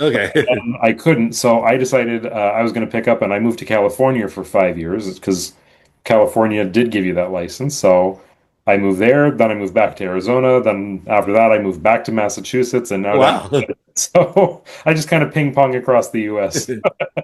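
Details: Adult speaker; no disorder.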